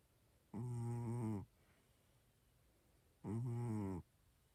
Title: Cammy Snores And Twitches While Sleeping.